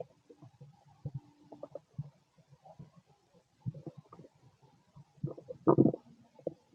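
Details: Male stomach growls during digestion: low gurgling and rumbling in irregular bursts, louder near the end, ordinary borborygmi.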